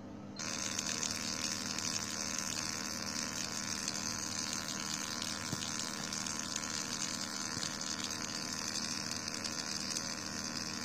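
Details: FQZ03 fractional CO2 laser machine running: a constant hissing, rushing noise with a low hum, with its liquid cooling pump; fractional CO2 laser operating.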